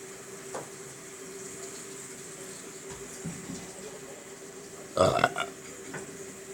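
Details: One short, throaty burp over a quiet room with a steady hum and faint water sounds: an ordinary belch.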